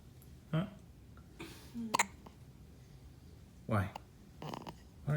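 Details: Male asleep with hiccups: several short, abrupt voiced gulping sounds at irregular intervals with faint room noise; hiccups.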